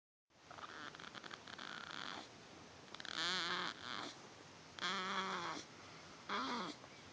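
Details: Light snoring in a quiet room: soft repeated snorting snores, some with a whiny nasal tone, roughly three in seven seconds.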